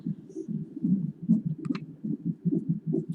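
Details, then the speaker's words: Fetal heartbeats ("their") on a hospital monitor at 30 weeks of pregnancy, mother readmitted and having a contraction: rapid whooshing pulses at about 145 a minute, a typical fetal heart rate. "Can you all hear their little heartbeats though?"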